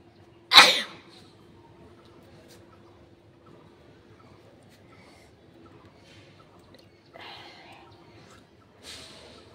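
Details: Sneeze during a sneezing and nose-blowing challenge: one loud, sharp sneeze burst, then quiet room noise and a couple of soft breathy sounds.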